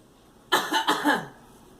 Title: Girl coughing